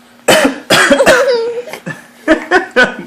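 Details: A father gives several deliberate, forceful coughs, with a brief voiced sound between them in a small room, while a young boy laughs at them. Voluntary cough.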